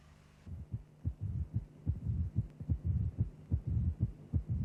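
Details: Simulated heart sounds at about 73 a minute with a low rumbling mid-diastolic murmur of mitral stenosis, following the left atrial to left ventricular pressure gradient while the mitral valve is open; typical of mild stenosis.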